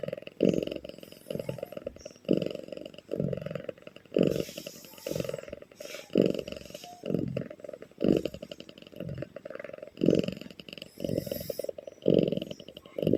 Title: SUARA KUCING MENDENGKUR KERAS | KSA